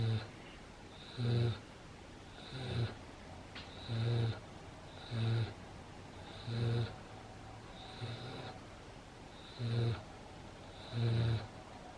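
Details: Pet snoring while asleep 5 minutes after a long walk, play with a favourite toy and 10 minutes of zoomies: soft, low, regular snores, about eight breaths in 12 seconds; ordinary snoring.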